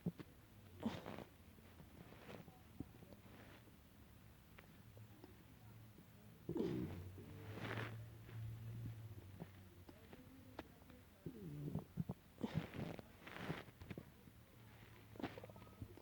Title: Stomach growls 2